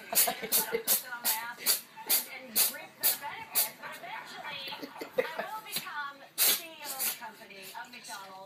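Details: Cat with a repeated sneezing fit: about a dozen sharp sneezes in rapid succession in under nine seconds.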